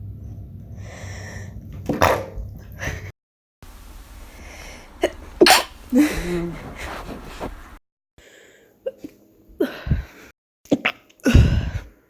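Several abrupt, explosive sneeze-like bursts separated by short pauses and background sound; repeated sneezing.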